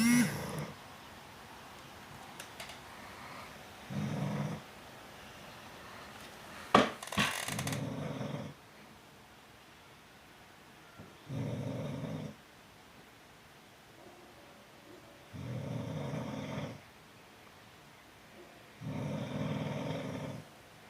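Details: Dogs snoring in their sleep: soft, rattling snores recur every few seconds with quiet gaps, with a brief knock early on.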